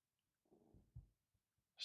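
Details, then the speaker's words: Audible stomach rumbling (borborygmi) from an adult speaker, who remarks his stomach is growling again. "me my stomach's gring again apologize you hear it cool"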